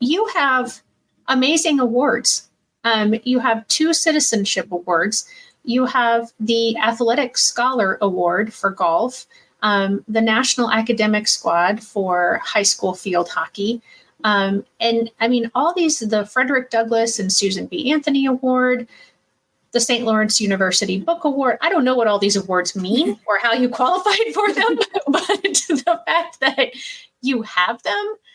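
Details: Adult woman speaking; normal speech.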